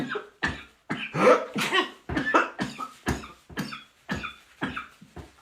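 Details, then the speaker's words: Person with a persistent dry cough they cannot stop: a rapid run of about a dozen short, sharp coughs with no rattle. "là j'arrête pas de tousser c'est une toussèche encore en plus c'est une catastrophe"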